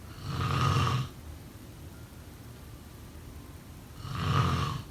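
Two loud, low rattling snores separated by a quiet pause of about three seconds, typical of snoring during sleep.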